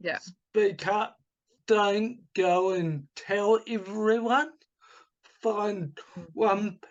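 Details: Adult man with cerebral palsy from oxygen starvation at birth, affecting his right hand and speech; speech has improved markedly but is not back to normal; he also recovered from chronic fatigue syndrome and chronic pain; dysarthria (cerebral palsy).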